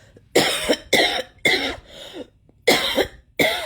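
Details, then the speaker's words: Adult coughing in bed for several nights (attributes it to electronic harassment; earlier suspected dust from electric heating or a cold): five loud, harsh, dry-sounding cough bursts in close succession. "like I said before, coughing right on cue, not natural."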